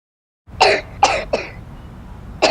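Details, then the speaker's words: Simulated: a schoolchild acting in a cough syrup commercial gives four short, sharp coughs in quick succession, with coughing attributed to changing weather and pollution. "ये स्कूल खांसने जा रहा है या पढ़ने? क्या करें, मौसम बदलते ही खांसी बार बार आ जाती है।"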